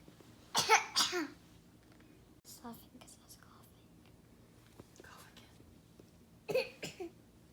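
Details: A child coughs in short bursts while someone laughs at the coughing, with some chatter in a small room.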